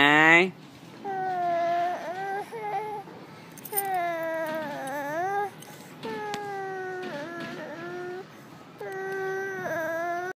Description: Little baby cry